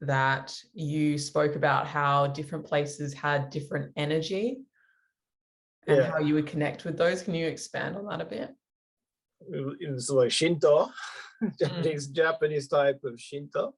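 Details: Adult speaker, conversational interview; typical speech.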